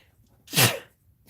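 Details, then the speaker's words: An adult gives a single sharp, forceful sneeze lasting under half a second, announced with "I'm going to sneeze, excuse me" while reading a poem aloud on a live art stream: sneeze. "to the bog he was headed to see his best friend i'm going to sneeze excuse me"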